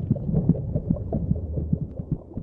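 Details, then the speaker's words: Simulated sound inside the womb: muffled, rapid low thuds over a steady hum; the fetal heartbeat racing at twice the speed of the mother's heartbeat. "can also hear the competing thud of heartbeats her own racing at twice the speed of her mothers both her constant companions during her time in the womb"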